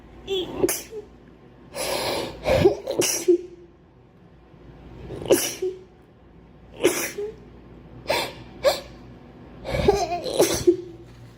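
A run of about eight quick sneezes, each with a short sharp intake of breath before the burst, then quiet between them.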